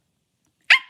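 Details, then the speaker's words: Young woman with Tourette syndrome during a livestream: a single sudden, sharp bark-like vocal burst, an involuntary, uncontrollable vocal tic. "Not trying to hate, but why do you keep making noises like that? I have Tourette's, and it is involuntary. I can't control it."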